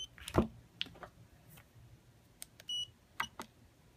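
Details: Dental curing light beep: short electronic beep among handling clicks while testing composite curing lights' output, about 800 to 1,000, comparing cheap Chinese lights with top-of-the-line ones.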